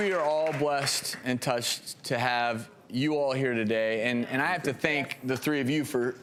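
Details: Adult male speaker; Normal fluent speech.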